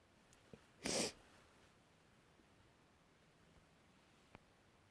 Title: Variety sneezes